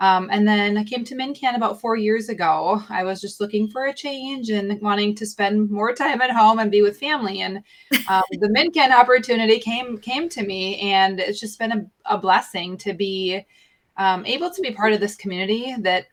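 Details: Adult woman speaking; normal speech.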